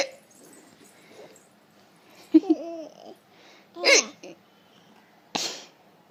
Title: Cute hiccups